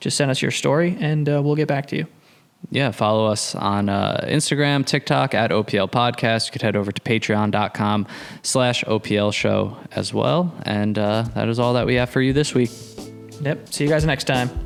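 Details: Adult male speaker; normal speech.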